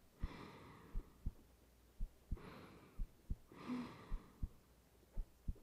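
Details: Person's own heartbeat recorded lying in bed at night for ASMR, calm: slow, steady heartbeat about 57 beats a minute with paired lub-dub thumps, soft breathing and rain in background.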